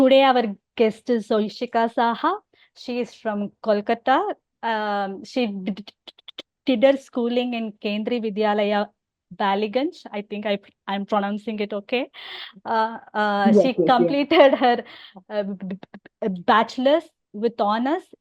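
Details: Adult woman with overt stammering who also has hearing loss; stuttering.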